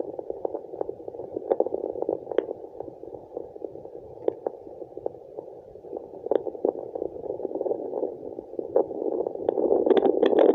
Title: Fetal Doppler placenta sound2